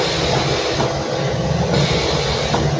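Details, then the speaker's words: An XNUO M9 10-litre oxygen concentrator running while the user breathes from it: a steady whooshing hum with soft rhythmic surges of air, described as quiet rather than a harsh machine noise. "suaranya enggak bising, suaranya adem, semut banget. Tidak suara kayak mesin bubu-bubu gitu, enggak enak."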